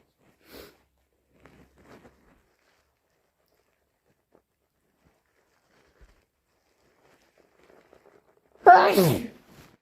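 Near-silence with faint sniffs, then one loud, sharp sneeze burst near the end.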